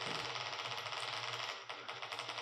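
Rapid, regular sharp crisp clicks from an EMG speaker over a low hum: a single fiber EMG potential firing.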